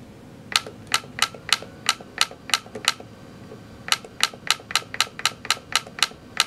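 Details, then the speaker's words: Sharp, regular clicking and snapping pulses, about two to three shots per second in two bursts: Ellex Ultra Q Reflex YAG laser firing during vitreolysis of a Weiss ring floater in a phakic eye. "you can hear some clicking snapping sounds okay"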